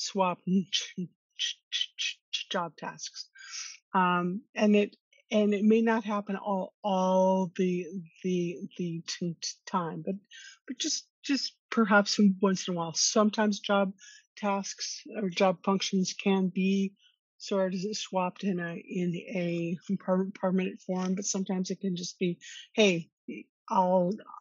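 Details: Woman who stutters, co-hosting a webinar on stress and anxiety at work for people who stutter, with audible repetitions of words and phrases; stuttering.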